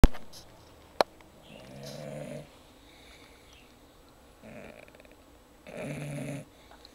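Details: Sheba sleeping and snoring: two to three low rattling breaths, each about a second long, separated by quiet pauses and a sharp click.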